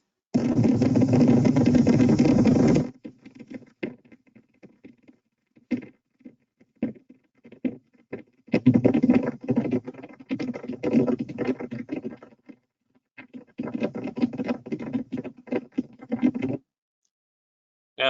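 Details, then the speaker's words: Needle EMG of the arm of a patient with the fastest-progressing ALS seen, progressing over months: irregular, frequent popping and crackling discharges with dense bursts, profuse fasciculation potentials. "i'm going to show you what his arm looked like in a video clinically and then a recording of what we recorded as his fasciculation potentials"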